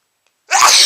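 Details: Single loud explosive sneeze after brief silence, from nasal irritation after sniffing a lot of chhinkni (sneezing powder), one of a repeated sneezing series.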